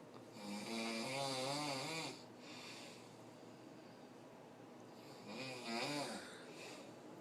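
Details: Heavy snoring in a sleeping adult that woke others: two loud, fluttering, buzzing snores on inhalation separated by quiet exhalation.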